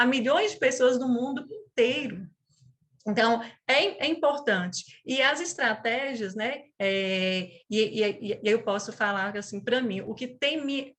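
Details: 37-year-old woman who has stuttered since age 4, with a father and brother who also stuttered; she calls it a neurobiological speech disorder; stuttering.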